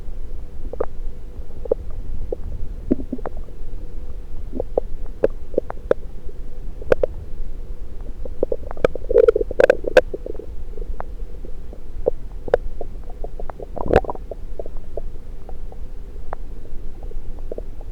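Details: Gurgling bowel sounds (borborygmi) over a steady low rumble, heard through a stethoscope placed on multiple parts of the abdomen in a self-recording.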